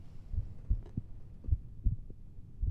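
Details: Normal heart sounds heard through the stethoscope bell over the apex, with the patient turned to the left: soft, low heart thumps with no murmur between beats.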